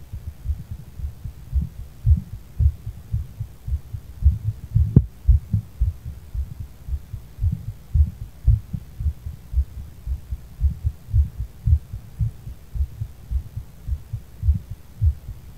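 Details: Regular low thumping heartbeat at about 113 beats a minute, a fast rate, with a steady hum behind it, recorded after weed use; rapid heartbeat.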